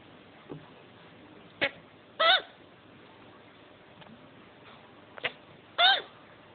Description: my chinchilla's just mated and he's got after sex hiccups lol babies are due 5th january :-)